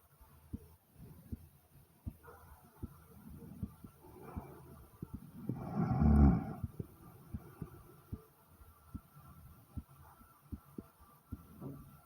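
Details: Pounding heartbeat, steady and strong at about 80 beats a minute, with a loud gurgling stomach growl midway; the stomach growled twice during the recording, a first for this person.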